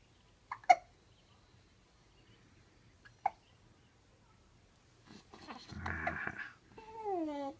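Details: Tiny baby in bed with father, with hiccups: two quick, sharp hiccups about 2.5 seconds apart, then soft babbling and whimpering.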